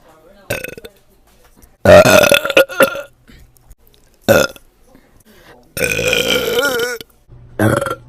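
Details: Compilation of burps from a girl: loud, voiced, drawn-out belches, three to four in short succession with brief gaps; repeated burping.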